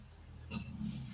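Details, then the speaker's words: Dog snoring audibly over a microphone during a livestream commentary. "me as you can probably hear my dog snoring over the microphone"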